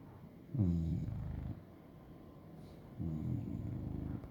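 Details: Snoring: two low, rattling, fluttering sounds on the inward breath with a quiet pause between.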